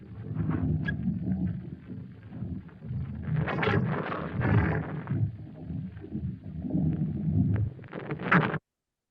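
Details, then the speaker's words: Simulated canine bowel sounds from a dog auscultation teaching trainer heard through a stethoscope: irregular low gurgles and rumbles. The trainer's range runs from hyperactive to hypoactive bowel. "And then finally, we have bowel sounds to be able to hear what's going on with the different issues here, from a hyperactive bowel to a hypoactive bowel, what's going on in that region."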